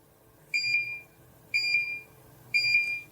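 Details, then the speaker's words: Three evenly spaced high-pitched beeps, about one a second: the firing tone of a Soga diode dental laser at 2 watts while cutting tensioned tissue in a demonstration. "And in this state, I start cutting with a power of 2 watts."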